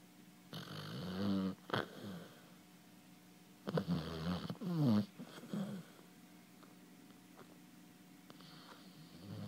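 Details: Snoring hound: irregular snorting, rattling snores in two bursts with short quiet gaps, in a quiet room.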